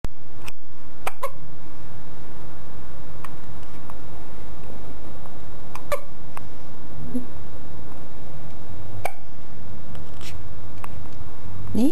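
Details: 5-day-old baby boy with hiccups: sharp brief hiccup clicks recurring irregularly, about nine in twelve seconds, over steady low background noise.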